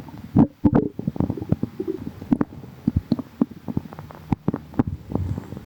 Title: some gurgles | stomach growling